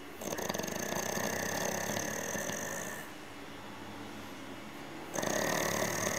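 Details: Long rattling, fluttering snores with pauses between them; snoring, recording labelled 2000 Laguna.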